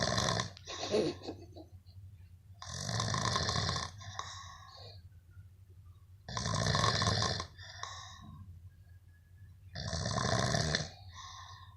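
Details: Sleeping person snoring, filmed by a friend: loud, harsh rattling inspiratory snores, about 18 a minute, with quieter breathing between.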